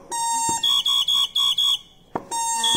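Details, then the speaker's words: Ventilator pressure alarm on a Babypac neonatal and infant ventilator set to FiO2 50%, rate 35, PEEP about 5–6 and peak pressure 30: steady high tone, then five rapid beeps, then the tone again. "this is the pressure alarm it is very picky so just be generous with it"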